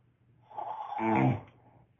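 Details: Man snoring: a single loud, rumbling snore with a throaty vibration as the breath is drawn in, in a quiet room; a mouthpiece is mentioned as a cure.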